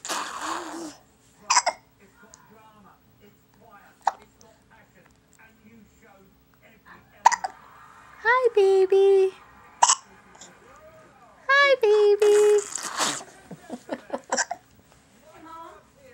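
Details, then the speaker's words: Baby with hiccups: brief, abrupt catching sounds, irregularly spaced, among soft infant vocal sounds and quiet adult talk. Ordinary infant hiccups. "somebody's got the hiccups I wonder who it"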